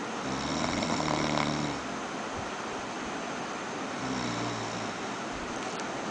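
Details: Friend snoring: two low, droning snores about four seconds apart over steady, loud background noise; snoring.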